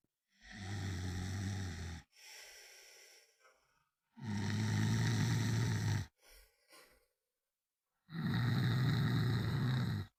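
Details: Snoring: three long, low, rough rattling snores on breathing in, with quieter breaths out between, at about 15 breaths per minute.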